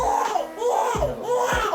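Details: Baby girl at a chiropractic visit, described as very fussy at night with earlier bowel discomfort: crying in short rising and falling wails with quick breaths between. Ordinary fussy infant cry in a small room.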